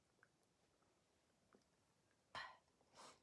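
Quiet room with two sharp, explosive bursts, each a quick intake then a forceful release, consistent with sneezes during a cold.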